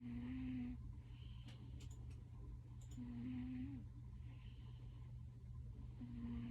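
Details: Sleeping cat snoring very loudly: a low, rattly snore repeating about every three seconds over a steady background hum.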